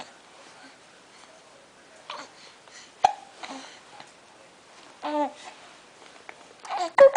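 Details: Young infant aged 6 weeks 3 days with hiccups: sharp, sudden hiccup clicks between soft coos and babbling sounds.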